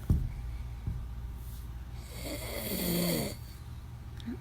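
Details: Man snoring loudly in his sleep, recorded from a side view by his wife: a loud, low, rattling snore on a breath in, with some room noise.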